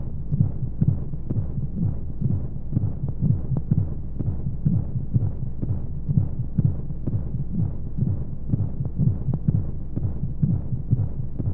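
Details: Womb-sound sleep aid for babies: soft muffled rhythmic low thumps at roughly 60 a minute over a steady hum and white noise; heartbeat as heard inside the womb.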